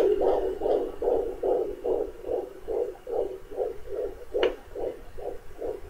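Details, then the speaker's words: Fetal Doppler at 18 weeks of pregnancy, probe in the same corner of the belly: rapid, regular whooshing pulses at about 143 a minute (mother reads 150s; 150–161 the day before), a normal fetal heartbeat. "I guess right now, yesterday it was like 161, between 150 and 160, like, depends on where OC, it just changed to 150 something, so."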